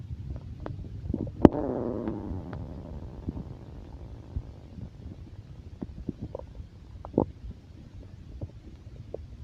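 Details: Low, gurgling rumble that swells then fades, with scattered small pops and clicks; ordinary stomach growling (borborygmi), recording described as stomach growling and heartbeat.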